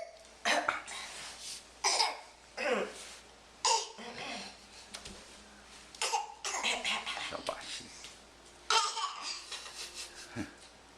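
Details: Young child giving about six short, forced cough bursts in a row, a deliberate voluntary (faked) cough, recorded September 2012.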